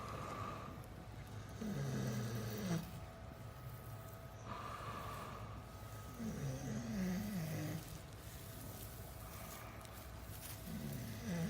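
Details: Heavy breathing that the mother calls snoring: repeated vibrating snores on each breath, roughly every four seconds, over a steady hum; snoring.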